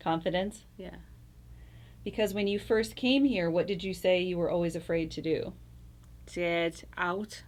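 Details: Adult woman speaking, brief reply from another voice; typical speech.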